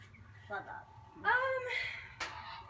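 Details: Person with Tourette's making a honk-like vocalisation: vocal tic (Tourette syndrome)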